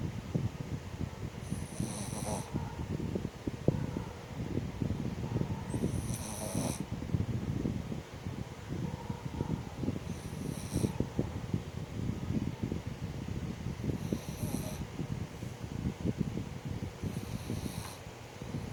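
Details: Five soft snores about every four seconds over steady low room noise: a sleeping dog snoring.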